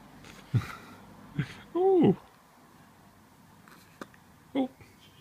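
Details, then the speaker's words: Female with hiccups being filmed: brief, abrupt catches of breath a second or so apart, with a short voiced sound between them, in a quiet room. "Oh, hiccups. Hiccup. Hiccup."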